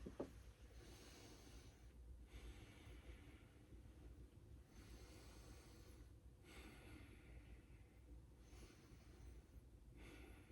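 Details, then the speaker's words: Patient taking slow deep breaths in and out on request during stethoscope auscultation in a nursing head-to-toe assessment: about five full cycles, soft rushing sounds over room hum; ordinary deep breathing. "Now, every time I place my stethoscope, I want you to take a deep breath in and out."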